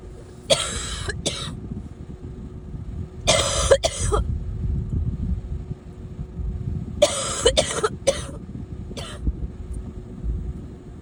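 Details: Three bouts of two to four harsh coughs each, with steady traffic-like noise behind; repeated coughing.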